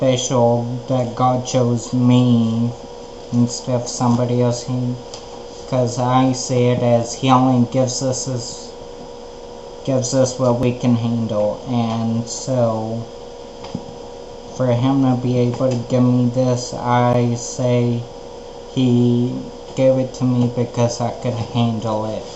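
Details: Male with ataxia affecting the cerebellum, which deteriorates it over time; he cannot walk straight and his speech is slower: ataxic dysarthria.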